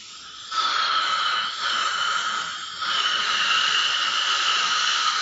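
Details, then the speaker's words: Ultrasonic scaler during a dentist's own routine six-monthly teeth cleaning (scaling); steady high-pitched whine with hissing water spray, briefly dipping as the tip moves over the tooth surfaces: ultrasonic dental scaler. "આ ultrasonic machine છે જેની મદદથી cleaning થતું હોય છે"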